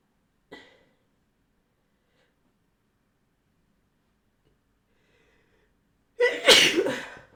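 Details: Woman inducing sneezes despite an injured collarbone and ribs from a BMX fall: a quiet sniff, then one loud, forceful sneeze.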